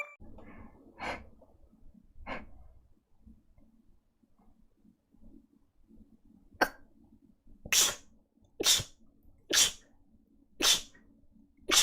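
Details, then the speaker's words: A VTuber livestreamer's sneezes: a few soft breaths then a run of about six sharp sneezes in quick succession; repeated sneezing. "失礼しました。くしゃみです。"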